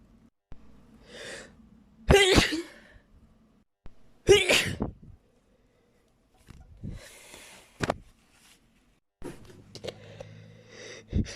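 A run of loud, explosive sneezes, each with a sharp intake of breath before it, in a quiet room: a sneezing fit.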